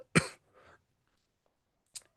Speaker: Now, I hope I'm not gonna have a cough attack here. I'm looking around to see if my cough drops are close by in case I need them.